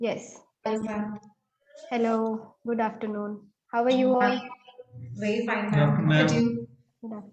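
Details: Adult woman speaking; normal speech.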